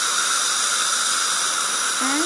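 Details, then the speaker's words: Steady high-pitched hiss and whine with water spray, rising tone near the end: an ultrasonic scaler flushing plaque and tartar off the teeth during a dental cleaning. "so this flushing action is removing all the deposits from chees quickly gently and efficiently the tee then feels smoother"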